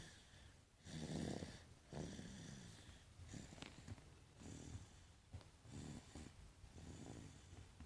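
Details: Snoring during sleep: repeated low, rough, rattling breath noises with a snorting quality.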